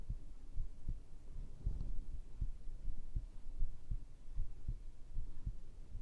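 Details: ASMR heartbeat recording: soft, low, thudding heartbeats at about 78 a minute under a faint hum.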